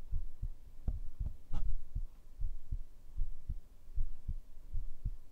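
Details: Heartbeat recorded with a binaural microphone for ASMR sleep audio: soft, regular low thumps, roughly 70 beats a minute, with a quiet background hum.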